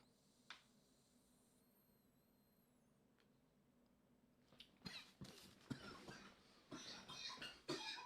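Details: Harsh, irregular coughing fit with rough gasping breaths after inhaling vapor from a new cart; he ends up on the floor gasping for air.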